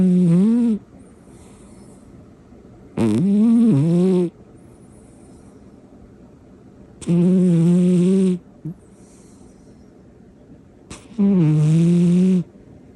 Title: Snoring is only cute when a cat does it #shorts #cat